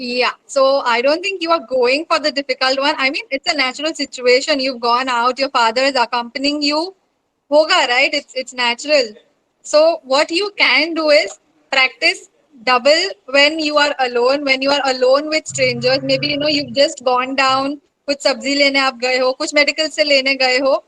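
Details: Adult woman speaking; fluent speech.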